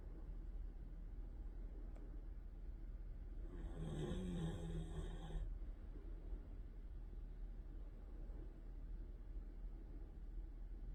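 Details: Baby Siberian Husky, a large-breed puppy, snoring on a weekend morning: a single drawn-out, low snoring breath over a steady background hum, otherwise quiet breathing.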